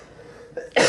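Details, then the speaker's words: Adult with an itchy, irritated throat, coughing repeatedly and feeling unwell, worse than the previous day; a single abrupt cough burst after a faint throat sound. "아무튼 오늘 어제보다 너무 간지러운 거예요 목이 들숨 한번 했는데 막 너무 간지러운 거야 기도가 미친 계속 나오고 했는데"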